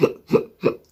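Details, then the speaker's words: Two abrupt hiccup-like vocal bursts about a third of a second apart from a person with Tourette syndrome whose tics include hiccuping: vocal tic. "people that are able to look past my tics and see me as a person instead of some weirdo cussing and flipping them off and hiccuping"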